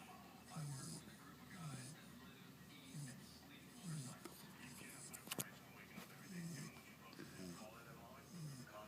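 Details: A sleeping bulldog puppy snoring with steady, snorting breaths, about 25 a minute, with a little background noise.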